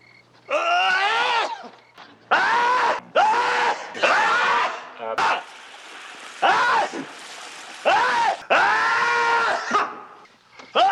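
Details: Acted on-screen sneezing by an adult male TV character: a run of about seven loud, strongly voiced sneezes, each a short rising-then-falling vocal burst.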